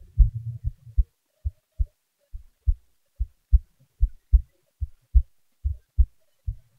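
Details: Clear low lub-dub heartbeat at about 75 beats a minute, steady rhythm, quiet background, from a self-recorded heartbeat with volume boosted; normal heart sounds.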